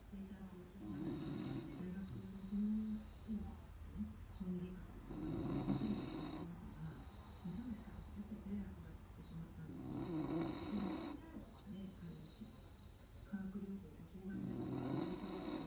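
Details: Beagle sleeping with its head resting on a door threshold, the family's loudest snorer: loud rattling snores on inhalation with quieter whistling sounds between them, about four breaths a minute. Dog snoring.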